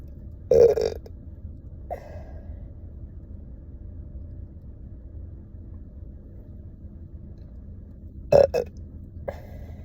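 Several loud, deep belches, two of them strong, separated by quiet room hum; burping.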